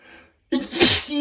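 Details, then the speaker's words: A single explosive, hissing sneeze after a brief indrawn breath, one of repeated sneezes that keep coming. "I gotta sneeze again. I can feel it coming. They just won't stop."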